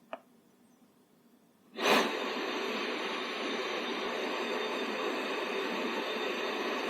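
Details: ResMed Stellar 150 BiPAP machine for home use starting therapy: a click, then a steady, unbroken rush of blown air as the delivered airflow begins.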